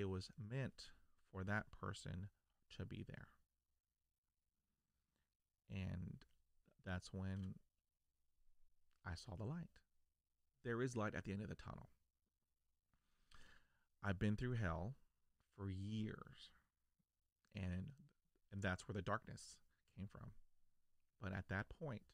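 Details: Adult man who stutters, stuttering since childhood; stuttering.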